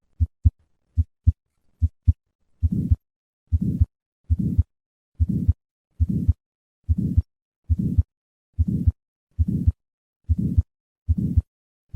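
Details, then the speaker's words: Three normal heartbeats, then a soft early-peaking, diamond-shaped systolic murmur between S1 and S2, about 70/min: innocent systolic murmur from turbulence across a normal aortic or pulmonic valve. "innocent systolic murmurs these murmurs are due to turbulence across the normal aortic or pulmonic valve they are diamond shaped and peak early in systole"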